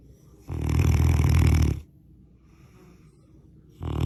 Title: the snoring only gets worse with age eeeeek 💤 #snoring #loud #baby #sleep